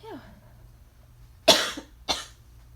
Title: More coughing and sneezes